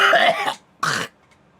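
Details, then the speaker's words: Adult who says they are very ill, with pneumonia-like symptoms, difficulty breathing and a history of pneumothoraxes with chest lining removed, gives a cough that their voice filter usually filters out. "this is what you don't hear when I'm crow cuz my filter filters it out. So, if you ever hear me like repeat a word or like mispronounce something, it's usually because I'm coughing"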